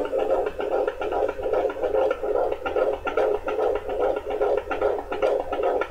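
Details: Home fetal Doppler at 18 weeks of pregnancy: rapid, regular galloping whoosh-thumps at about 130–140 a minute, with occasional small interruptions from fetal movement; normal fetal heart sounds.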